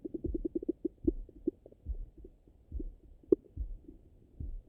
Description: My stomach got really rumbly after my breakfast.